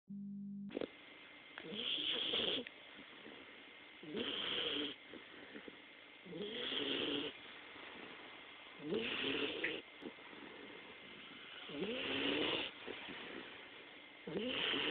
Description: My 11 week old bullmastiff puppy snoring sooo loud! I'm afraid to hear her when she's grown up!